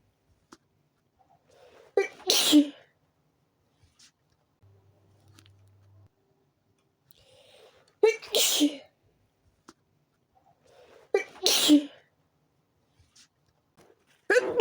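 Four forceful sneezes, each preceded by a sharp inward breath, in quick succession; a sneezing fit.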